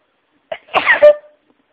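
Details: A short indrawn breath followed by a forceful voiced sneeze, one sneeze of a sneezing fit set off while listening to other people's sneezes.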